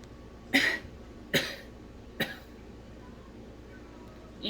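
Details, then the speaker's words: Nursing demonstration of post-abdominal-surgery coughing exercise with a pillow splint held firmly against the abdomen: inhale deeply, hold 3 seconds, then three short deliberate coughs without inhaling and a faint start of a fourth. "Inhale deeply, hold for 3 seconds, cough without inhaling 2 to 3 times."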